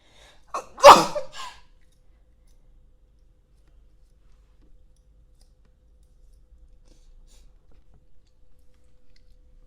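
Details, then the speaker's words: Streamer's unintentionally loud single sneeze, with a short intake before it, then a quiet room; sneeze. "That was a very loud sneeze. I didn't mean to sneeze so loud."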